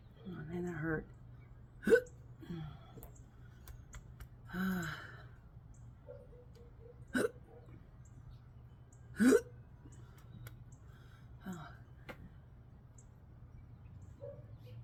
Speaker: That might have looked like I was choking, or that was known as a common hiccup.